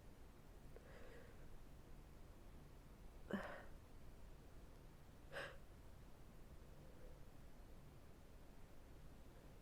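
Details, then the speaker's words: Person with allergy sneezing, on and off all day, which they attribute to the change of seasons, with some congestion: soft inhalation followed by two short, sharp sneezes against quiet room noise. "I I've been on and off like this all day. It's been almost constant because the change of seasons."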